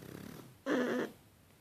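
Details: Pug puppies snoring in sync while asleep: a single loud, rough snorting snore on the in-breath after a quieter breath; snoring in flat-faced dogs.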